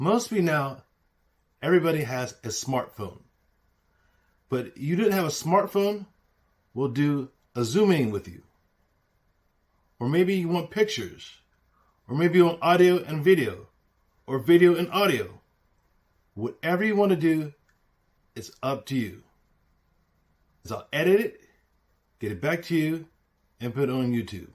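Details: Aphasia in an adult man, self-reported.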